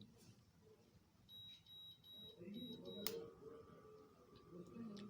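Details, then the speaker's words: Microlife digital blood pressure monitor switched on: short electronic beeps, then a steady motor hum as the cuff inflates with air and pressure builds inside it before the systolic, diastolic and pulse readings. "इस sound का मतलब है blood pressure जो है कफ के अंदर pressure बनना शुरू हो गया है"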